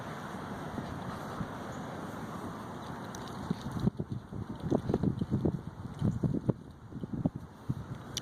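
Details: Dog (Rosie) with fits when overly excited, at walk starts, visitors or frustration, first feared as seizures; the vet confirmed harmless reverse sneezes. Wind-like noise, then rapid harsh snorting inhalations; reverse sneeze.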